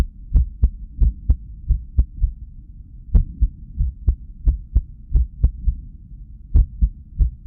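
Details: Person at rest with irregular heartbeat after sleep deprivation, recorded on cardiac ultrasound with Doppler heartbeat sound. Irregular heartbeat (arrhythmia).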